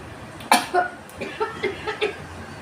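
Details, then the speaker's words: One sharp cough followed by a run of short, voiced coughs over room noise, from a person exposed to chilli fumes from a stove during a sneezing challenge, with burning throat and watery eyes; irritant cough. "ரொம்ப இருமல்தா. தண்ணீர்லாம் வந்துருச்சு கல்லிருந்து."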